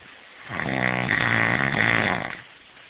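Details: One loud, buzzing, fluttering snore lasting about two seconds, with music in the background; snoring.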